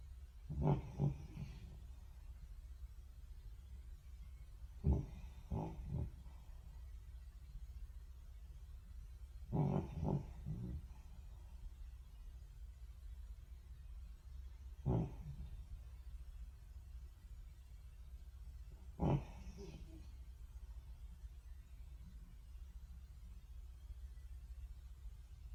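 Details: Snoring from a sleeping French Bulldog in short, fluttering snorts, about one every four to five seconds.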